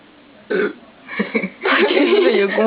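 A short burp, then a long, drawn-out croaking burp.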